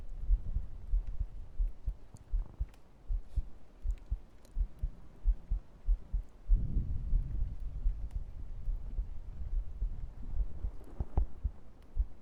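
Soft, muffled low thumps repeating steadily under faint room noise: an ordinary heartbeat picked up through a microphone against the chest.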